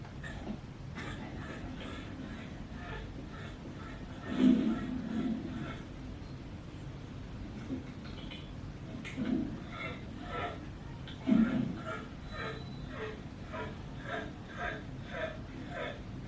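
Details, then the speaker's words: Dog with laryngeal paralysis: noisy, harsh breathing with a fairly high-pitched wheezy noise on each breath in, localizing to the larynx or upper airway; inspiratory stridor. "So for me that dog has got noise on inspiration and it's a fairly high pitch wheezing sort of noise. So that's really helpful because that helps us localize it to the larynx or the upper airways."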